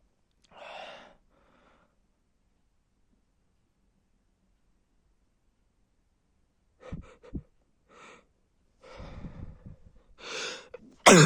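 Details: Male stifling sneezes, heard as breathy, muffled bursts and short sharp snorts, then releasing a fuller sneeze at the end.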